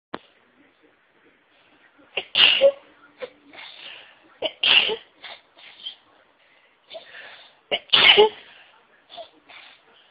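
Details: Three loud sneezes, each preceded by a sharp intake of breath, with soft breathy sounds between them in a quiet room; sneezing by someone already feeling sneezy.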